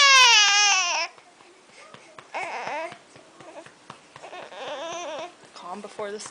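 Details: Infant after feeding, being burped: a loud wail followed by several shorter fussing cries and whimpers in a small room, with soft adult talk; infant crying.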